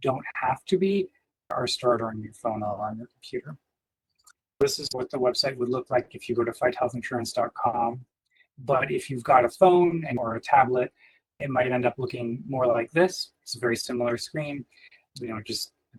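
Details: Adult male speaker; typical speech.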